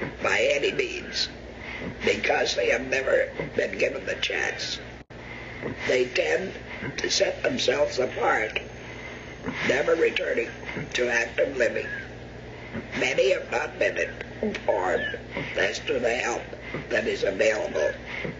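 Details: Adult male speaker; alaryngeal speech after laryngectomy.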